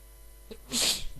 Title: Inducing sneeze 2 (M)